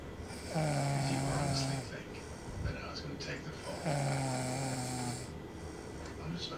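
Two long, low, rattling snores on inhaling, about 19 a minute, with quiet gaps between them and faint room noise.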